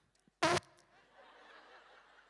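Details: Vocal tic in an adult man with Tourette syndrome.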